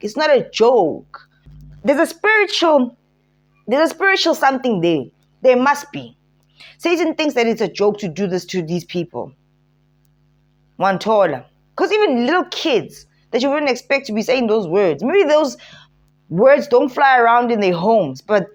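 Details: Adult speaker; no disorder.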